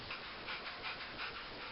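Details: Rapid, rhythmic breathy huffs from a dog, about four in under two seconds, during trick training (pit bull sneezing on command, rottweiler playing dead); panting.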